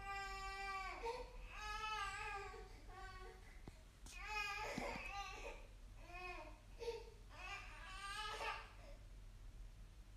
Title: Baby Crying Sound Effect HD | Free download